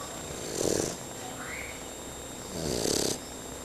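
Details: Fila Brasileiro puppy snoring while asleep: two soft, breathy snores on the in-breath about two seconds apart, with a steady low hum in the room.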